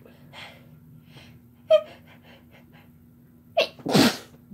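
Quiet room with a steady hum; a short gasping catch, then a wind-up breath and one loud explosive sneeze.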